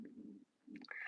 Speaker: That is my stomach. If you hear it, my stomach is growling.